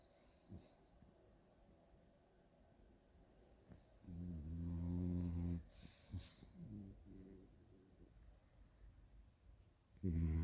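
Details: 1-year-old French Bulldog snoring loudly in sleep: deep, rattling nasal snores with snorting breaths.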